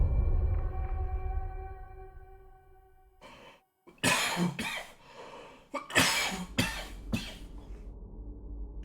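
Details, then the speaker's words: Adult man with heartburn over the past few days coughing: several loud, harsh coughs in a short cluster, with quiet game music behind. "also I do apologize if you hear me coughing quite a bit um my heartb burn has just been going absolutely over the top over the past few days"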